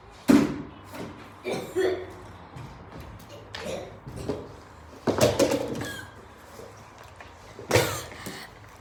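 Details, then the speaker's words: Acted repeated cough: a child fakes a run of about six sharp, separate coughs in a small room. "Here's one when you keep coughing. It's pretty bad and you want one."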